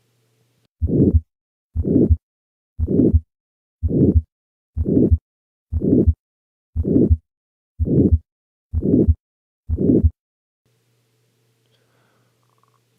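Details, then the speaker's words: Regular heartbeat about 62 a minute with a harsh systolic crescendo-decrescendo murmur, qualitatively unpleasant; aortic stenosis murmur. "it has just a qualitatively unpleasant nature to it which is usually labeled harsh therefore which valvular disease is likely responsible for this murmur aortic stenosis let's listen once more"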